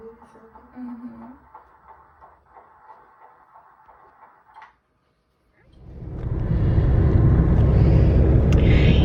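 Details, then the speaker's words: Fetal heartbeat at the first ultrasound of the pregnancy, after quiet room sounds: a loud, fast whooshing pulse, heard as much faster than the older sibling's was. "we get to hear the heartbeat and it's super fast we were just talking about it and it sounded way faster than we remember sebastian's"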